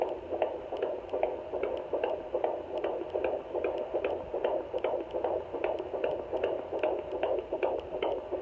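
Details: Home fetal Doppler at 17 weeks 2 days of pregnancy: rapid, regular whooshing thumps of a fetal heartbeat at about 150 beats per minute.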